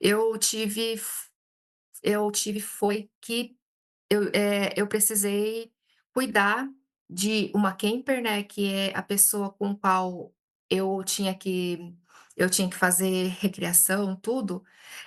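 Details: Stuttering in an adult Brazilian woman speaking Portuguese, who reports many blocks when speaking.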